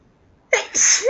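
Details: A single sharp, hissing sneeze bursting out after a quiet moment, part of a long run of repeated sneezes, some loud and some half stifled.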